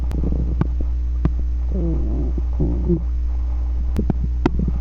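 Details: Stomach growling: gurgling, bubbling rumbles with a few clicks over a steady low hum; bowel sounds (borborygmi).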